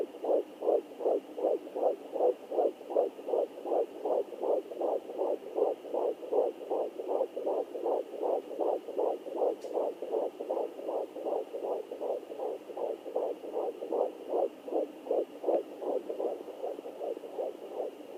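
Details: Fetal heartbeat on a fetal Doppler: rapid, regular whooshing pulses at about 158 beats a minute.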